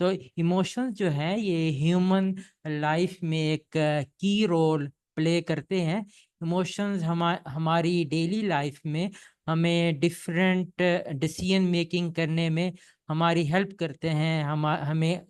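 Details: Adult man who has stammered since childhood, describing his stammering as minor and often hidden; stuttering.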